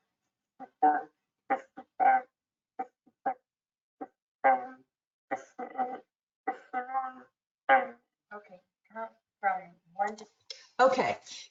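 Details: Cul-de-sac resonance in a patient counting from 60 to 70.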